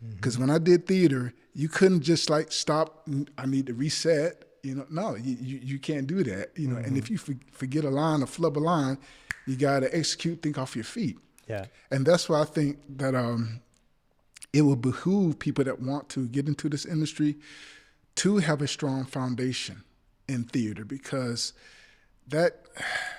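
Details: Adult male actor who describes having a speech impediment he stammers with, which he tried to cover up at an audition; stuttering.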